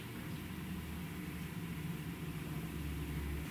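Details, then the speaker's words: Stomach growling (borborygmi) shortly after breakfast, heard during a makeup tutorial: a low, drawn-out rumbling gurgle that swells toward the end. "you can hear my stomach growling I apologize I don't know what's wrong with it I just had breakfast greeting it's just being greedy"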